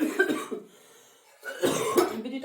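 A brief burst of coughing, a quiet pause, then a second rougher cough with throat clearing.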